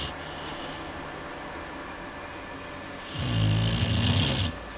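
A dog's low rattling snore on one breath in, over steady room hiss.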